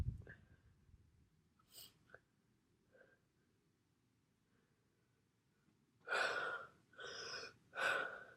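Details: Sneezing episode: faint sniffs and small catches, then three loud bursts in quick succession that sound like nose blowing.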